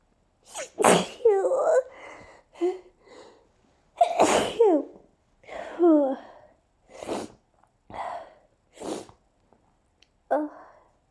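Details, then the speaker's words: Several sharp, forceful sneezes with quick inward gasps between, in a quiet room, from a person whose hay fever has been severe for days and whose nose tingles; repeated sneezing fit. "okay i have to sneeze thank you i have i have to sneeze thank you i have to sneeze oh oh my nose really tingles today"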